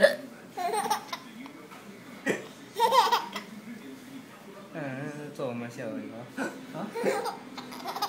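Bursts of laughter broken by short, jerky catches, with background talk; hiccups interrupting laughter.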